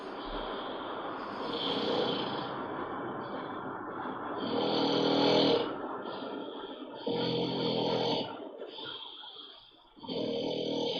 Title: schnarcht wie ein was..... #marliclips #twitch #twitchdeutschland